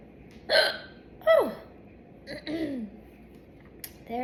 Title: Girl Soda chugging hiccups #hiccups